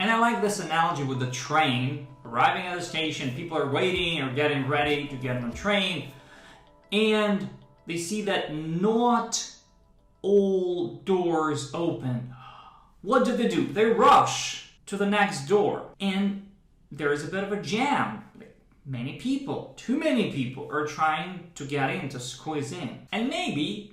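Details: Stuttering in a man who describes a brain predisposition to stuttering; he speaks using a trained speech technique developed through speech therapy for stuttering.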